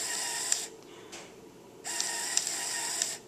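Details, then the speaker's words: Whirring motor bursts with a short pause between them: CADD infusion pump running as it primes the tubing with fluid for a child's TPN, with the prime arrow held down. "this is going to take quite a while and so it you just need to get comfortable and allow that to take time you'll hear the pump as it pushes the fluid"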